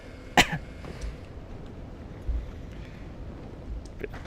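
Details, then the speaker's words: Adult live streamer who is sick with a sore throat since yesterday gives a single short, abrupt cough near the start, followed by low room noise and faint small sounds. "I will be coughing and sniffling a lot. I'm going to try not to do it into the microphone."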